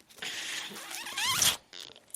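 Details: The speaker's own mechanical ventilator during podcast speech: rushing, hissing airflow with a brief rising squeal, a pause, then another hiss as breaths are delivered; mechanical ventilator sound.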